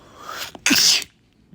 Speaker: I didn't mean to scare you. I saw we Sorry, guys. Your sneeze scared [Music]